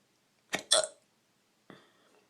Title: Drunken hiccups